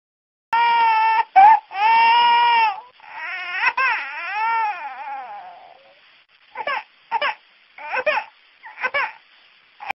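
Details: An infant cries in sustained high-pitched wails, then breaks into shorter sobbing bursts; infant cry.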